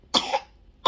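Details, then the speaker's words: Young child (baby) sick about 3 days with fever over 38, a large tongue ulcer (sariawan), and worsening cough up to vomiting: a single sharp cough with the start of another. "Oh batuk. Oh tuh batuk"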